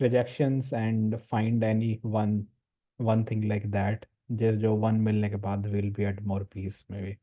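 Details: Male participant in a stammering support group course; his speech shows word and syllable repetitions. Finding: stammering (stuttering).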